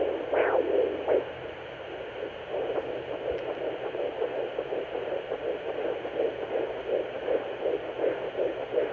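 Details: Fetal heartbeat at 10 weeks 2 days of pregnancy on a Sonoline B fetal Doppler: rapid, regular whooshing pulses, about 165 beats a minute.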